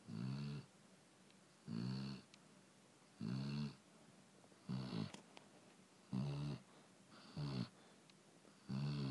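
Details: Senior male chow chow asleep on his dog bed at night, snoring: low, rattling snores on each breath, about 42 breaths a minute with pauses between them, in a quiet room.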